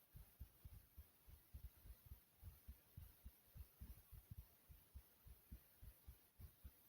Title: heartbeat sounds